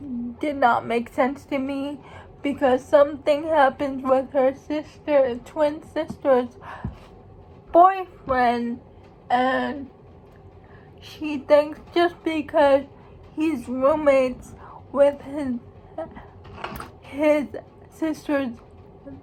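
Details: Speech of a young woman who states she has cerebral palsy; dysarthric speech in cerebral palsy.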